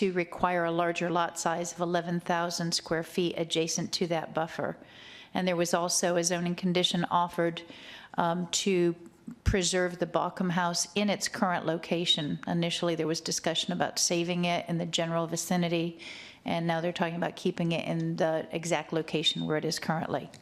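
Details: Adult woman speaking; Normal voice.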